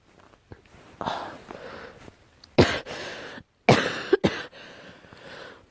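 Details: Girl coughing: several short, loose coughs in a quiet room, with pauses between bursts.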